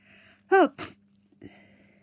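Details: Single sneeze in someone with a cold and a very blocked nose who is also coughing and sneezing: a short voiced burst, then a sharp noisy expulsion amid quiet room noise.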